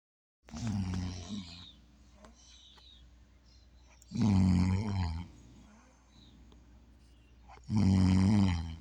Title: snoring 3 #unidentifyed